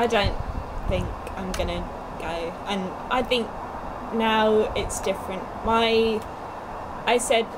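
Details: Young woman two years after a stroke at age 18, with Broca's aphasia affecting speech, reading and writing: Broca's aphasia.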